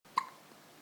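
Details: Little girl hiccuping after drinking a bottle of full-cream milk: a single soft, short hiccup in a quiet room.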